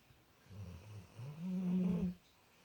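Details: Very loud snoring that had gone on for about 10 minutes, at times sounding like an angry cow: a single low, rumbling snore on an in-breath, rising to a louder buzzing peak before fading.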